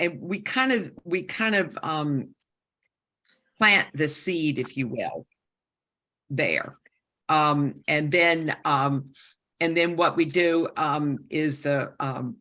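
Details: Woman with a stroke during aortic dissection surgery at age 47, with right-side loss and significant aphasia; she had about a year of speech therapy and still has aphasia symptoms; aphasia.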